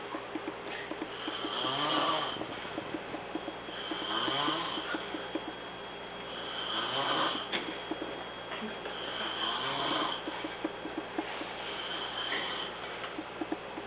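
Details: Exhausted man asleep; rhythmic, rattling snores with each breath, about six breath cycles in fourteen seconds (~26/min), with some clicking noise: snoring.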